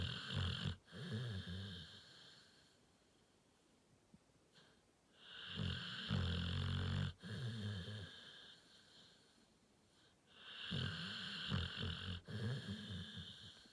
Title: Dr. Allan - the bully XL, sleeps and snores